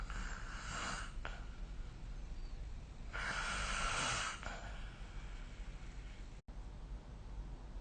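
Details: Snoring during sleep recorded with the SnoreLab smartphone app: two soft, breathy snoring breaths over steady room hiss.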